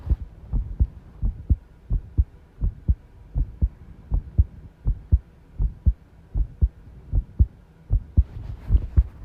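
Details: Heart sounds recorded by the person themselves while tidying a room, with arrhythmia noted: heartbeats about 79 a minute with uneven spacing between beats, an irregular rhythm, and rattling room noise near the end.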